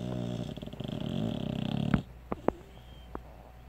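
Rattling, pulsed snoring sounds from a sleeping puppy, followed by quieter soft breaths and small snorts.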